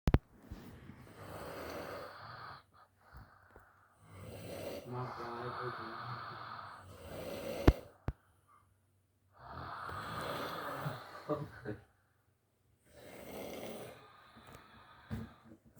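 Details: Snoring from a sleeping male: loud, rough, fluttering breath sounds in slow cycles of about 8 a minute, with quiet pauses between, from vibrating upper airway tissue.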